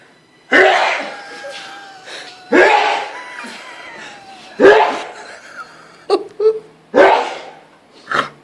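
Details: Sneezing fit in an adult man: about five loud, explosive sneezes in quick succession in a small room, each with a sharp onset and fading tail.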